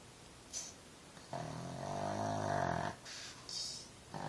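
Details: Female pug sleeping and dreaming, not waking: drawn-out rattling, snorting breaths between short sniffs; snoring.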